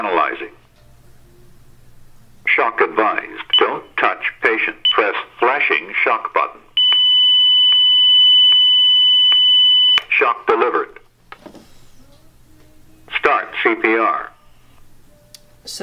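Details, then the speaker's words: ZOLL AED inspection with a simulator set to ventricular fibrillation: voice prompts say do not touch patient, analyzing, shock advised, press flashing button, then a steady alarm tone, shock delivered, start CPR. "at this point we're gonna turn the AED on and it's gonna start to go through the analysis unit okay don't touch patient analyzing don't touch patient analyzing"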